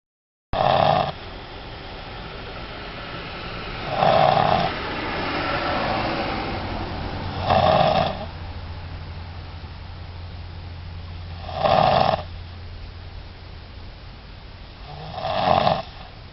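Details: Sleeping child snoring in regular bursts, about 17 per minute, over a low steady background hum.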